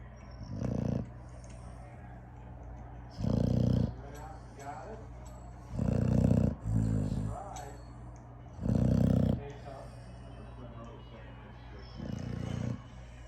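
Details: Loud, rough, low snores recur about every 2.5 to 3 seconds, roughly 20 to 24 a minute, with quiet breathing between; snoring.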